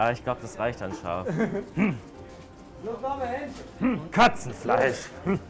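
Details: Person with Tourette syndrome working as a döner seller produces vocal tic interjections such as 'Katzenfleisch'; Tourette syndrome vocal tics.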